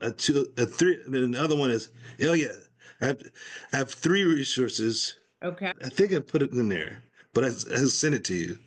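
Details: Adult man, stroke survivor with post-stroke aphasia, now in recovery, speaking spontaneously in conversation; aphasia.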